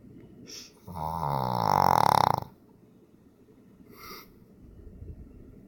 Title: Pug Snore